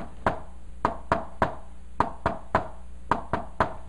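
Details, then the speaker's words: Simulated third heart sound (S3 gallop) demonstrated with a stethoscope held in the hand: a normal S1–S2 "one two" rhythm with an added third sound. "now if i'm going to add a third heart cell to it this is what it's going to sound like one two"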